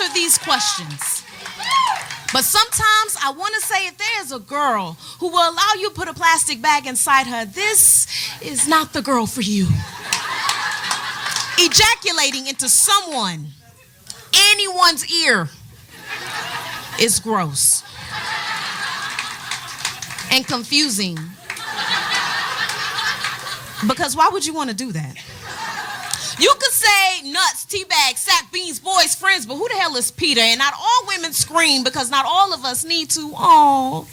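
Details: Adult woman speaking; normal speech.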